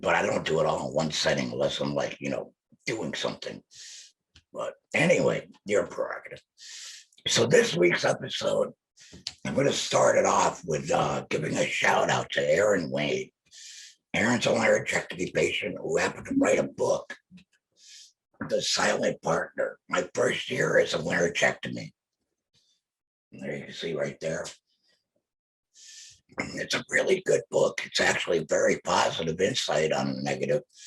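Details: Male laryngectomee speaking; alaryngeal speech (laryngectomee).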